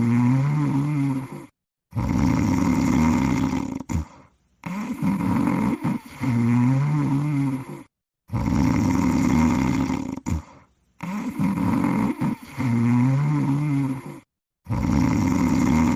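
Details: Cartoon snoring of the Pink Panther sleeping: slow, rough, droning breaths repeating about every four seconds with pauses between; animated snoring sound effect.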